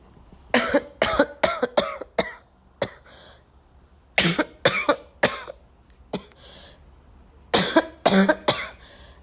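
Bursts of harsh coughing in clusters with short pauses, about twelve coughs, with a wet, throaty quality; an ill adult coughing.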